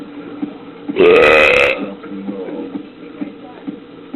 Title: Funny Babies Scared of Burps Compilation 2015